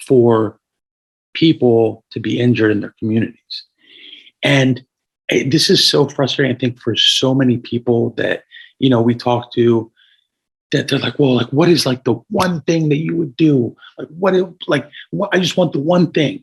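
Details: Adult man with a paralyzed vocal cord after a gunshot injury at age 17 that caused a carotid injury and tracheal rupture, with a tracheostomy tube for about 6 months after discharge; some raspiness; hoarse voice from vocal cord paralysis.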